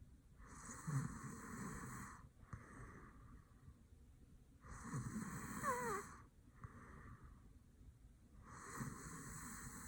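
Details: A sleeping man snores: rough, rattling snores with breathing sounds, about 15 breaths a minute, over a steady background hum; snoring.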